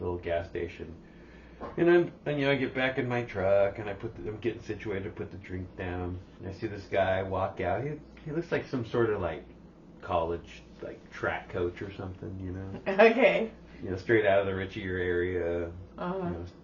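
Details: Adult man; typical voice.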